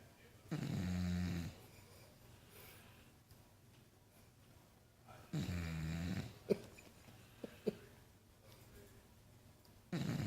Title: Gator Snoring II